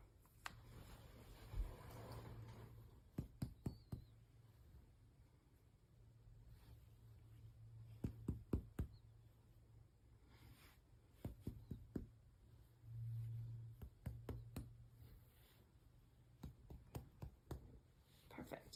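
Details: Resonant percussion note.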